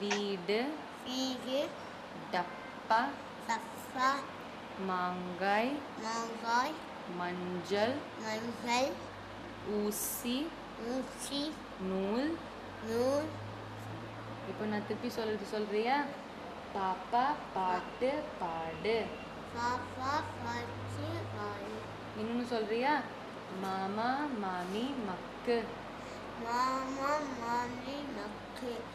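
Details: Child with cleft palate, abnormal dentition, an alveolar fistula and some premaxillary protrusion; these structural deficits contribute to the cleft palate speech errors.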